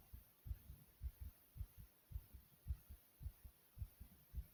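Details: Own heartbeat described as beating fast yet soothing: soft, regular low paired thumps at about 110 beats a minute over a faint hiss; a fast heartbeat.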